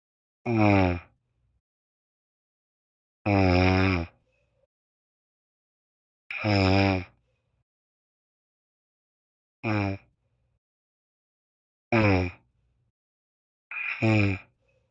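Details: Person napping, snoring heard over a TeamSpeak voice chat: loud, rough, voiced snores about half a second long, about 20 a minute, with silence between them.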